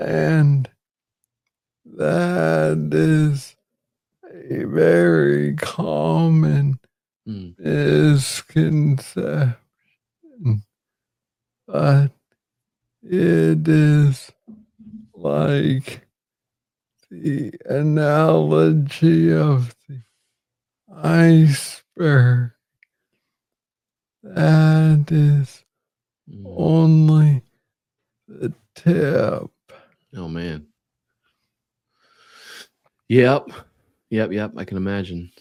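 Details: Adult man with Parkinson's disease diagnosed in 2014 at about age 35, first misread as tennis elbow; slow speech from Parkinson's disease.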